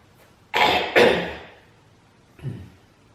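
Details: Adult on Christmas: two harsh coughs in quick succession, then a softer third; a dry-sounding cough.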